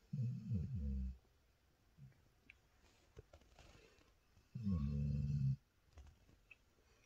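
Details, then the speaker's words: Sleeping female dog, tired after a walk by the lake, snoring heavily: two loud, low, rattling snores about four seconds apart with quiet between. "Incroyable comme elle ronfle, c'est incroyable. Elle ronfle plus fort que mon chéri."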